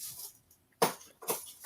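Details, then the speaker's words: Sleeping female pet dog snoring. "You can hear me dog snoring. She's quite therapeutic."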